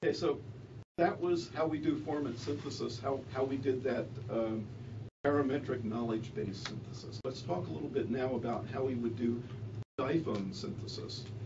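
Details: Adult male speaker; normal speech.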